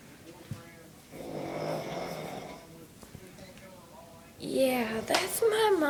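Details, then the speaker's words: Adult woman (mother) snoring while asleep downstairs, loud enough to hear from upstairs: long, loud, rough throaty snores with vibration, ending in a louder high-pitched noise; snoring. "she is the loudest snorer ever and I can hear her all the way from upstairs it's like holy crap mom"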